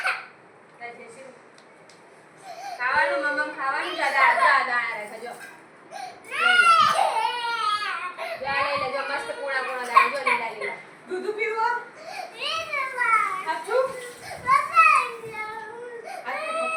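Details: Crying from a 2-year-old toddler: repeated wailing bursts with sobbing catches, amid background voices in a small room.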